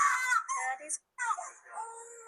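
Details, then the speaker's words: Infant lightly fussing, possibly sleepy and uncomfortable being picked up or wrapped: soft, brief whimpering cries rather than hard crying: mild infant crying. "आवाज सुनिए या हल्का-हल्का हल्का हल्का हल्का-हल्का रो रहा है तो ये तब हो सकता है जैसे बच्चे को नींद आ रही हो"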